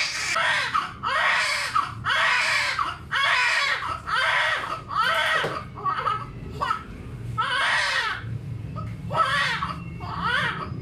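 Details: Strong, rhythmic newborn crying, about one cry a second, low background hum; vigorous cry after normal spontaneous vaginal delivery at 37 weeks, mother's second baby, sudden blood pressure rise controlled.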